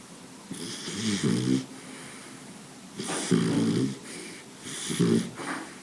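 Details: Sleeping Boxer dog snoring: rattling, snorting snores on inhalation with softer exhalations between, quiet room.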